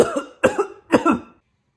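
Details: An adult gives three short, forceful coughs, acted for a comedy skit about someone coughing nearby in 2020.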